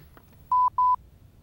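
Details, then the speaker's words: Medtronic LIFEPAK automated external defibrillator (AED), training inspection: lid opened to start the unit; two steady identical electronic beeps in quick succession, the power-on tone confirming the AED has started and its speaker works. "now we'll make sure the speaker is working push the lid release button to open and start the AED you should hear the voice"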